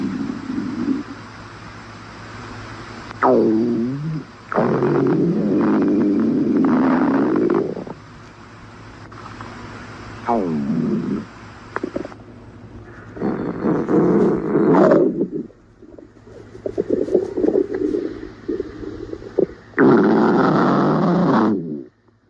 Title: Stomach Growling